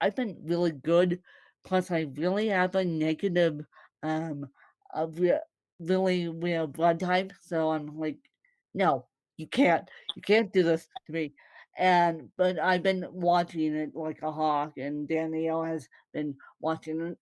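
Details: Mild dysarthria in a woman born with cerebral palsy (congenital); no speech disorder is named by the source.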